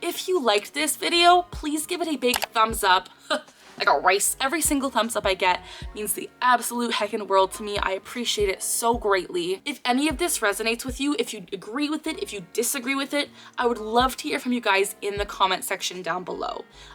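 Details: 24-year-old woman clinically diagnosed with Tourette syndrome at age 12, producing her recurring phrase vocal tic; Tourette syndrome vocal tic.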